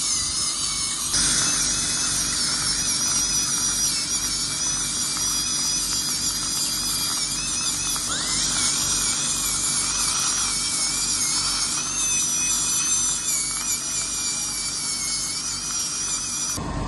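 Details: High-speed dental drill whines steadily with small pitch shifts while cutting, during crown preparation for a porcelain-fused-to-metal dental bridge on a real patient replacing the extracted right upper second premolar and right lower first molar, with drifting of adjacent teeth.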